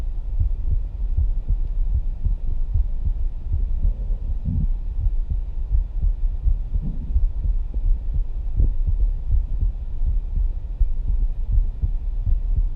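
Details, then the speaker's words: Resting adult heart via stethoscope, moving from aortic and pulmonary areas down to tricuspid area: low, muffled lub-dub amid rubbing noise; normal heart sounds at rest. "there was an audible difference between when we were listening to the AOC at the pulmonary and then we jump down to the tricuspid you could hear the love dub"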